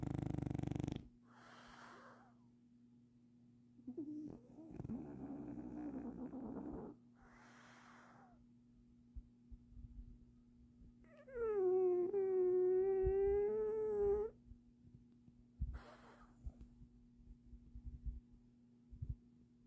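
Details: Sleeping French bulldog snoring: noisy rasping breaths with snorts and grunts, plus one long high-pitched whining squeal, over steady room hum.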